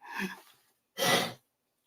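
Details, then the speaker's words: Pet dog with a recurring coughing attack, sick for a while; owner suspects pneumonia, though there is no diarrhea and appetite is good. Two harsh, breathy hacking bursts, the second abrupt and forceful. "uhoh uh oh hope you can't hear that but that's Yuki's having her coughing attack again Yuki my dog Yuki is has been sick"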